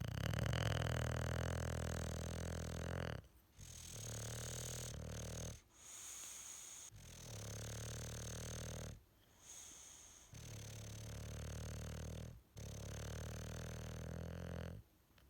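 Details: Bulldog napping in a comfy sleeping position, quiet parts edited out: loud, long, rattling snores in repeated cycles with brief pauses; typical bulldog snoring, no breathing problem stated.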